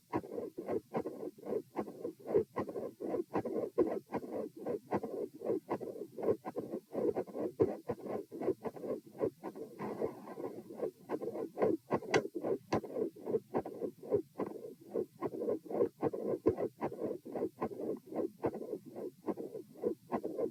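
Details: Heart auscultation during a stress test at position M, with sitting, standing and lying phases at 90, 108 and 72 bpm; split S2 with a midsystolic murmur and electrical disturbance.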